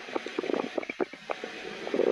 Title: My stomach growling while in a shelly cosplay outfit